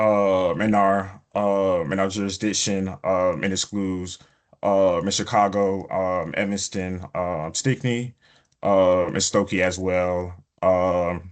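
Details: Adult man, a person who stutters, presenting a webinar; he reports prolongations of words or sounds, blocks and repetitions in his speech; stuttering.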